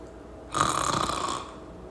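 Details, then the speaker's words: Snoring demonstrated: a single rough, rattling breath sound of about one second, from soft throat tissue vibrating during breathing; snoring. "Snoring is actually caused by your jaw falling back, causing the soft tissue to vibrate while you breathe."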